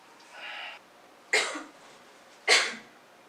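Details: Acted cough in a short parody film about COVID-19: a soft in-breath followed by two short, forceful coughs about a second apart.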